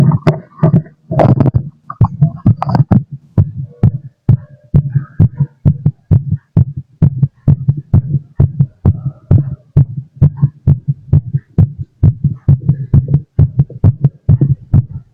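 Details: Forceful, fast thumping heartbeat heard through a stethoscope, about 130 beats per minute, after drinking lots of coffee (caffeine).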